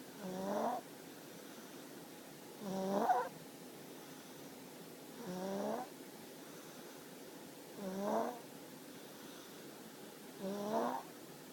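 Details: Baby snoring: five soft, squeaky, whistling snores at a regular pace, about 24 breaths a minute, in a quiet room.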